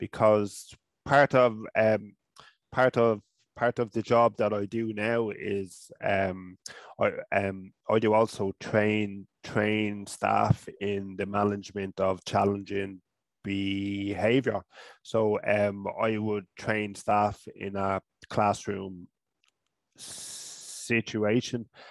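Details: Adult man from Ireland who stutters, first seen by a speech therapist around age 5 or 6.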